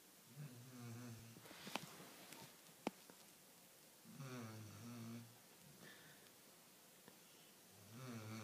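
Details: A sleeping dog, said to snore like a human, gives soft, buzzing snores on each in-breath, roughly every four seconds, with a few light clicks between; snoring.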